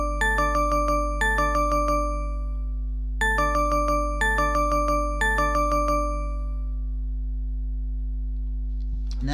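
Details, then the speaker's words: Dexcom app medium urgent low glucose alert: repeating bright chime-like tone bursts in three groups, not shrill but very clear. "Dexcom actually has far more sounds that come with the app uh so here is the dexcam medium urgent low"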